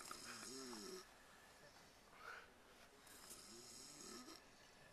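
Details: Several people snoring while asleep on a band's tour bus: soft rasping and whistling breaths during sleep, some with a tonal edge, over faint room noise.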